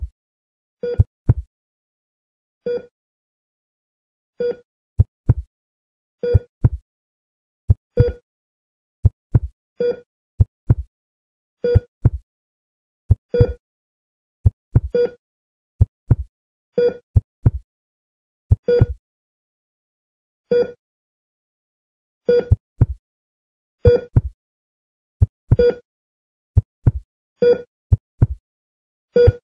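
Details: Hospital heart monitor sound effect: steady electronic beeps about 40 a minute, each paired with soft low thumps.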